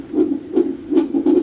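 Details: Doppler monitor of a pregnant woman after days of contractions: rapid whooshing pulses, roughly 150 a minute; fetal heartbeat in the normal range.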